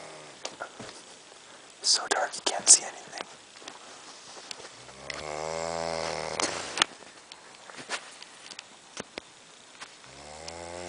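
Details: Man sleeping in a dark room, deep, rattling snore on the breath in, with rustling and handling noise; a second snore begins at the end; loud snoring.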